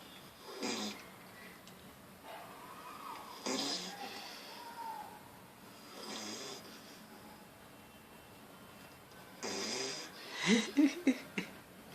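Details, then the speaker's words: Dog snoring with its eyes open: soft, airy snoring breaths repeat every few seconds over room noise, with a brief sharper snort at the end. "este perro ronca con los ojos abiertos"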